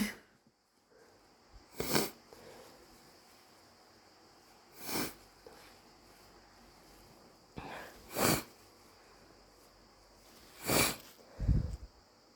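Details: Four sharp wet sneezes, possibly allergy-induced, spaced a few seconds apart with sniffing between them in a quiet room.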